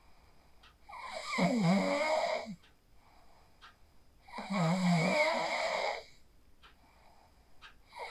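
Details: Sleep snoring recorded on a mobile phone after practicing the 4-7-8 breathing technique: rough, fluttering snores on each in-breath, about 17 breaths a minute, separated by quiet exhalations.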